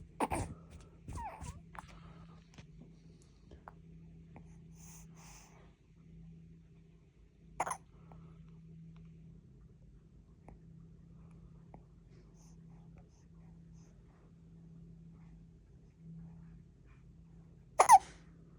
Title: Hiccup😉🙃